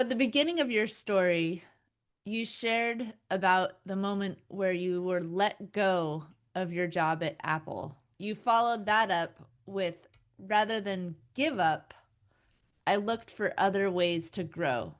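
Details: Adult woman speaking; Normal speech.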